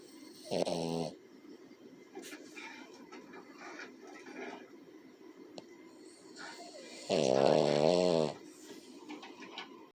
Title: MY BIG BABY SNORING 💤 🐕